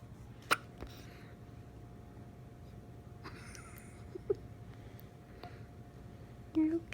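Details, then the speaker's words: Bad hiccups in a girl: two or three brief, sharp, involuntary gulping sounds spaced several seconds apart in a quiet room. "You got the hiccups? Goodness. It's okay. It's okay. Poor girl."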